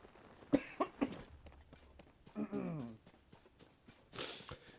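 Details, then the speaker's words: Three quick hacking coughs in a row from an adult livestreamer who complains of a terrible feeling in the throat, followed by a short voiced throat sound and a breathy throat clearing. "okay what a what a terrible feeling in my throat I'm so sorry I'm sure the sound of me uh hacking and coughing here is really lovely to uh to listen to"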